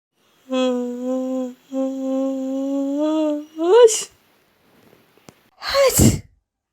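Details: Cartoon elephant's imitated sneezes in a 2D animation: a long hum, then a rising gasping build-up ending in a loud burst, then a second burst.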